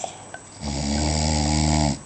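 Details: Person snoring after a night of heavy drinking: a loud, deep, rattling snore on one long inward breath with a low steady buzz.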